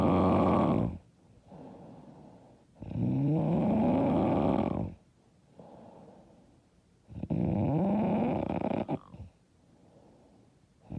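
Heavy, harsh snores with a rising fluttery pitch on each breath in and softer breaths out, about 16 a minute; loud snoring.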